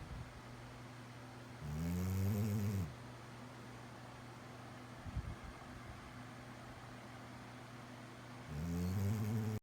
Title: My four legged best friend winsome snoring away.